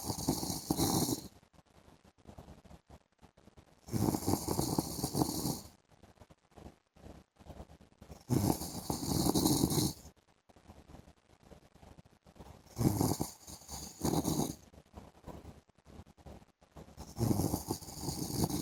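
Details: Adult man (husband) asleep in the afternoon: five harsh, rasping snores in about 19 seconds, crackly noise between, about 14 breaths a minute; loud snoring.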